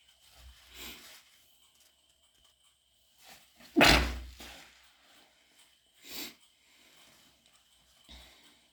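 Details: Adult with ear infection and stuffy nose, after a burning nasal spray, induces then stifles very wet sneezes into a tissue late at night: a run of muffled sneezes, one much louder, with wet sniffles between.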